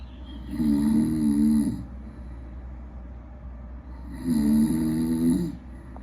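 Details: Snoring during sleep, recorded with acoustic and accelerometer sensors: two long, droning, vibrating snores on breathing in, with quiet breath sounds between.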